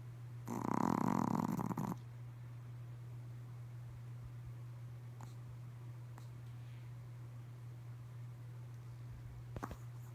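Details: Pomeranian dog during a midday nap: one brief rattling snore, then quiet breathing over a steady low hum; snoring.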